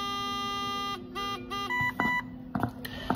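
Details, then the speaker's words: Steady electronic tone then shorter beeps and clicks as an Oxylog 3000 transport ventilator is switched on by holding the on button and runs its self-check. "first of all switch the ventilator on by pressing the on button and holding"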